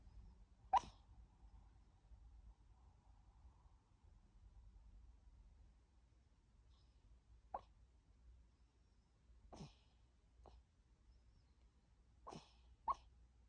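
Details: Maltese dog talking in its sleep: about six brief, soft yips and muffled squeaks, widely spaced over quiet.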